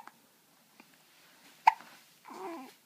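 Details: Person with hiccups: a single sharp, abrupt gulping hiccup followed by a brief voiced sound in a quiet room.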